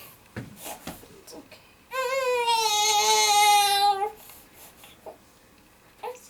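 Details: One sustained, loud wail of about two seconds between softer fussing, from a constipated premature triplet girl during a KST chiropractic adjustment; ordinary infant cry.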